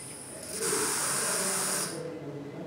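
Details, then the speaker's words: Oxygen cylinder main valve closed, then the flow regulator opened to bleed pressurized gas before disconnecting the pressure-reducing gauge; a steady hiss of about one second, a normal step. "close the main oxygen side of the valve open the flow regulator to bleed pressurized air"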